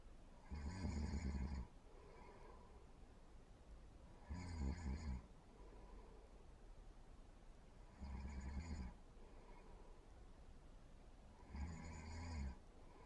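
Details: Snoring during sleep: deep, rumbling snores recurring about every 4 seconds, roughly 16 breaths a minute, with quiet exhalations between.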